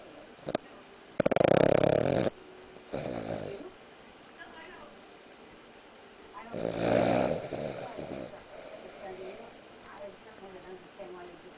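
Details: Snoring: two loud, rough snoring breaths with quieter breathing and room noise between them.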